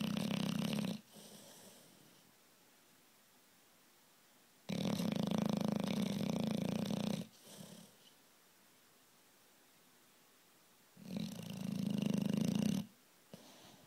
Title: Beauregard the Bulldog snores